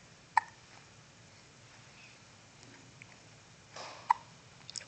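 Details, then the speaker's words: Baby lying in a nursing pillow: two short, sharp hiccup sounds a few seconds apart in a quiet room; infant hiccups. "janja has the hiccups"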